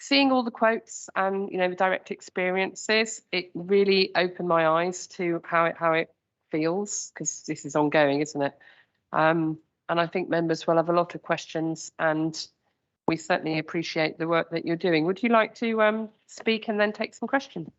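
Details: Adult woman speaking; normal voice.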